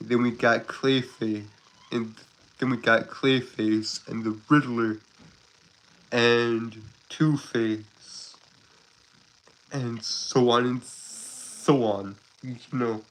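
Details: Adult Southern man who describes himself as a stutterer with a speech impediment, currently sick: stuttering.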